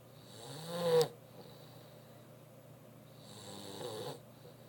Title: Snoring Mastiff Cash